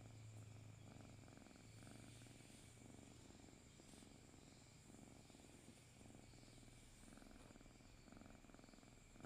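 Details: Sleeping cat, head resting on its owner's arm, snoring: soft, steady rhythmic rumbling about one breath cycle per second, possibly purring.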